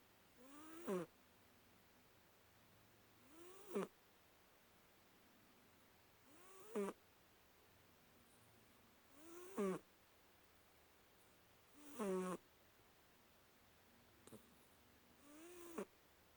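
Soft, squeaky, rising snores on each in-breath, about 20 a minute, with quiet room noise between.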